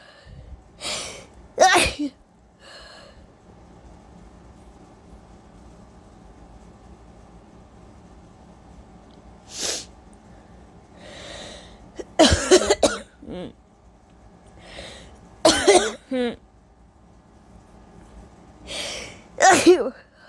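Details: Sleep-deprived person before a nap, sneezing mostly uncovered: several sharp, explosive sneezes with a few coughs between them, in a quiet room.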